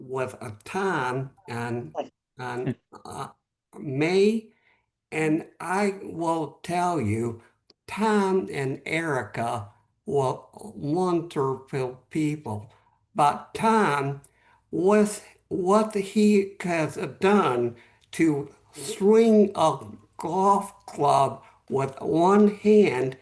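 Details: Real adult male with aphasia after a stroke 11 months earlier; at first he could say only one word, and after three or four months he could speak a little; aphasia.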